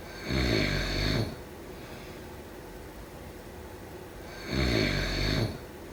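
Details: Two loud, rough, rattling snores about three seconds apart, quiet between; ordinary snoring during sleep.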